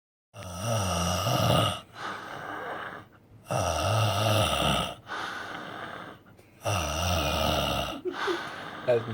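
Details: Roommate snoring in his sleep: loud, rattling snores on each in-breath, with quieter out-breaths, about 19 breaths a minute.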